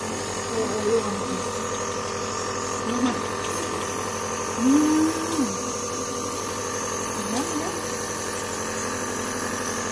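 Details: Coughing dog being treated by nebulization: steady mechanical hum of a running nebulizer with a few brief whines over it.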